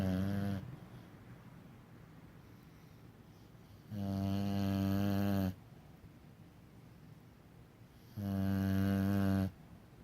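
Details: Loud, buzzing snores on three breaths in about ten seconds, roughly 15 a minute, with quiet pauses between them; snoring.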